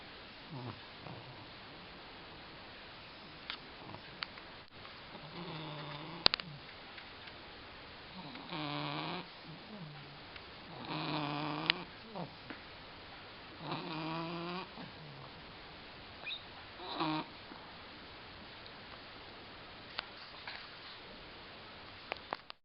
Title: Dany, the snoring puppy